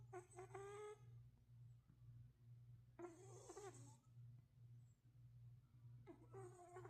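A sleeping cat gives three squeaky, whistling snores about every three seconds over a steady low room hum: snoring during sleep.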